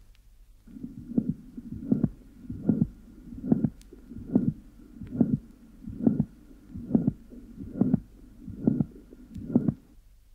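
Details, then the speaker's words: Mild mitral incompetence (proven case) in a 21-year-old man, recorded at the apex during expiration. Regular heartbeat near 70/min. S1 is soft and not heard. A sharp mid-systolic click occurs, with a systolic murmur that starts before the click and grows louder and higher-pitched up to S2. "the first sound is soft and is not heard on the recording the associated systolic murmur starts before the click and then accentuates and becomes higher pitched between the click and the second hot"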